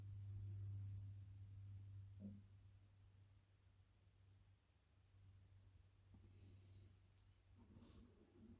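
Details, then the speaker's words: Hungry adult's stomach rumbling (borborygmi), heard while working at a workbench. "This is not going to look nice, and you can hear my stomach rumbling because I'm hungry."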